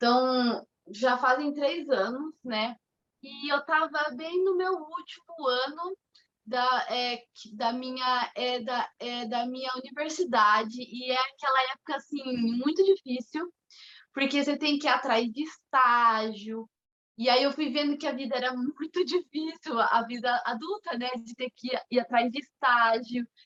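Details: 25-year-old woman who stutters, with onset around age two and a half to three; she describes her stutter as mild. Stuttering.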